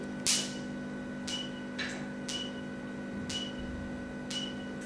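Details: Q-switched Nd:YAG tattoo-removal laser firing: sharp pulse clicks about once a second over a steady machine hum.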